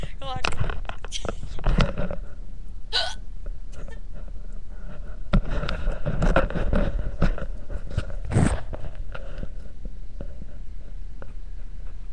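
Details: A girl hiccuping while laughing, letting out loud hiccups right after laughing: sharp, abrupt catches of breath recur among giggles and chatter, over steady background room noise.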